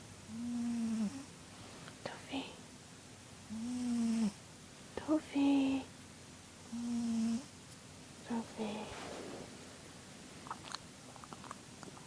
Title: 打鼻鼾 snores